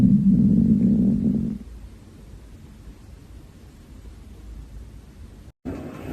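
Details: Hungry girl's stomach growling: a low, sustained growl of about a second and a half, then quiet; a normal hunger rumble (borborygmi).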